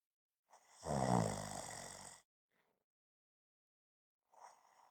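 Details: One loud, rough, rattling snore on an in-breath, then quiet breathing out and the start of the next breath; ordinary snoring.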